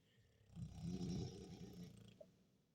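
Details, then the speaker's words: Low, rumbling snore from a sleeping American bulldog, one long noisy breath in a quiet room, with two American bulldogs snoring. "they're both snoring now you guys hear him two american bulls snoring"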